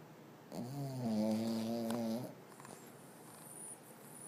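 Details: Dog asleep, snoring like a human: one drawn-out, buzzing snore on breathing in, then quiet breathing over low room noise; dog snoring.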